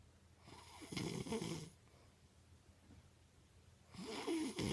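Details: Sleeping mother giving two loud, rough snoring breaths about three seconds apart, with quiet breathing between; ordinary snoring.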